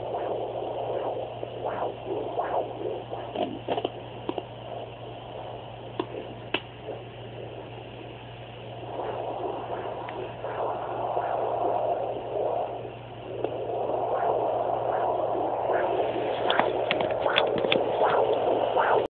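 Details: Fetal Doppler: whooshing, static-filled sounds over a steady electrical hum, with no clear, steady heartbeat rhythm.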